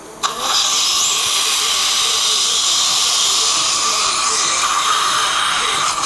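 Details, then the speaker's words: Rotating disc shaver running during MIS TLIF spinal fusion in a 66-year-old woman with low back pain radiating to the left leg: steady high-pitched whirring hiss while clearing disc material. "What's that noise, Dr. Kim? It's the noise of success, baby. Or it's like that itch that you have that you couldn't get to, and you finally got to it. That's what this is. Okay, rotating shaver."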